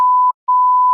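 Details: Two steady mid-pitched electronic beeps with a brief gap from a CADD-Solis infusion pump confirming keypad entries while programming morphine PCA therapy.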